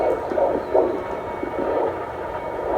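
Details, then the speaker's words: Fetal heartbeat picked up by Doppler at a 20-week prenatal visit, before the anatomy scan: fast, rhythmic whooshing pulses over a steady hiss. "So hopefully I can hopefully I can record the heartbeat so you guys can hear it."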